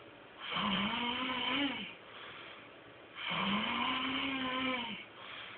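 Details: Man asleep on a couch: two long, loud, rattling snores, each over a second, with quieter breathing between; snoring, with music in the background.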